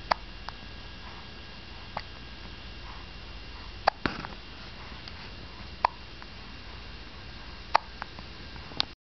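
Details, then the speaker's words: Two-week-old infant, sucking/feeding, with burp-related hiccups: sharp, brief hiccup clicks about every two seconds in a quiet room: hiccups. "Got the burpee hiccups again."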